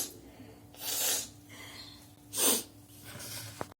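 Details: Sneezing and nose-blowing challenge, runny nose: two hissing, sneeze-like bursts through the nose with a faint steady room hum.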